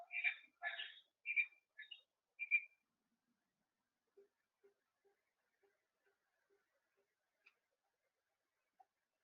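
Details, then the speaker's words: Simulated fetal heart sounds on a childbirth and neonatal resuscitation simulator (Noelle S550.250): a few high chirping monitor beeps, then faint, regular fetal heart thumps at about 130 a minute. "So those are the fetal heart sound and the monitor beeps that you can also play it."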